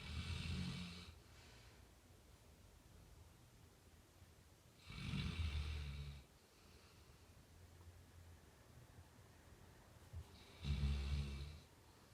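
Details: Sleeping Labrador snoring: three deep, rumbling snores with a soft breathy hiss, about 11 breaths a minute.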